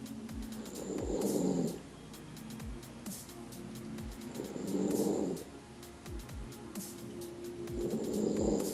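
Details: Person snoring very loudly: three loud, rough, low snores about every 3.5 seconds, roughly 17 a minute, with faint background music and clicking.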